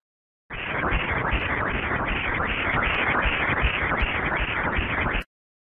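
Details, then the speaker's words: Obstetric Doppler ultrasound sampling of the fetal ductus venosus in pregnancy: rapid rhythmic whooshing pulses with a characteristic churning, washing-machine sound that helps confirm correct cursor placement; normal ductus venosus Doppler flow. "the ductus venosus has a characteristic sound its sound looks like the sound of washing machine listening while sampling is helpful to confirm correct cursor placement this is the sound of ductus venosus doppler"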